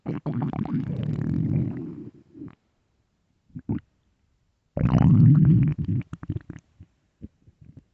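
Low gurgling, rumbling growls in bursts with quiet gaps; ordinary stomach growling, often with hunger.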